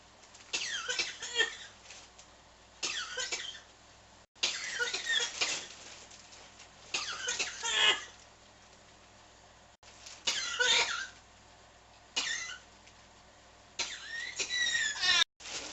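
Repeated harsh bursts of coughing coming in clusters with brief pauses, about seven bouts over fifteen seconds; persistent coughing.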